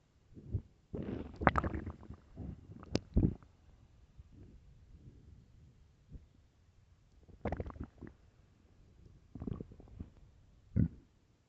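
Bursts of gurgling, groaning rumbles with quieter stretches between; loud stomach growling from hunger, normal bowel sounds.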